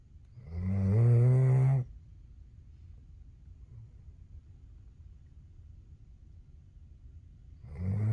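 Deep, buzzing snores on the in-breath, about one breath every seven seconds, with quiet pauses between.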